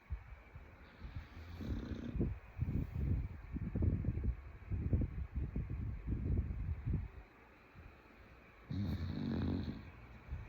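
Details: A bulldog snoring: low, rumbling snorts with each breath and a few noisy bursts in between.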